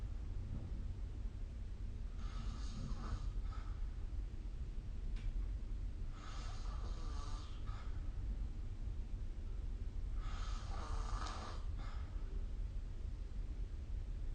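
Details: Snoring during sleep recorded with the SnoreLab phone app: three rough snores on inhalation about every four seconds, roughly 15 breaths a minute, over low room hum.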